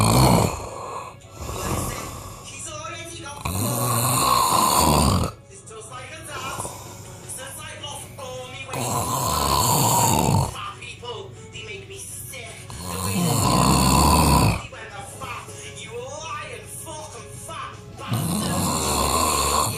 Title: The biggest snore